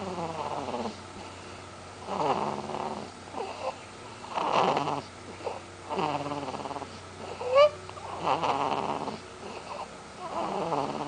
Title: baby snores